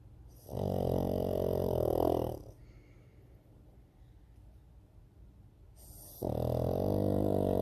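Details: Two pugs asleep on a sofa during an afternoon nap: two long, buzzing, rumbling snores separated by a quiet pause; pug snoring.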